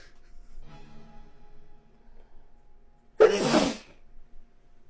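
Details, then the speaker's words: Male sneezing repeatedly, reportedly more often than breathing: quiet breathing, then a single loud, sharp sneeze burst; sneezing. "you've been Sneezy you've been sneezing more than you've been taking breaths"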